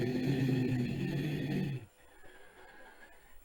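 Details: Recurrent laryngeal nerve injury affecting the thyroarytenoid muscle branch, where the weak side loses tension at very low pitch; vocal fold flutter at low pitch.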